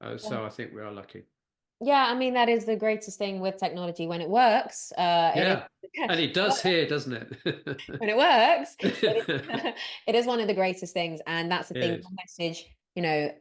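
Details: Adult woman speaking; normal speech.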